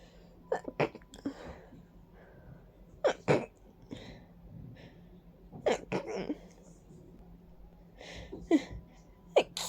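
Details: Person stuffy and congested with runny nose and watering eyes, attributing it to ragweed and dust; four rounds of wet congested double or triple sneezes with sniffing between in a quiet room; allergic sneezing.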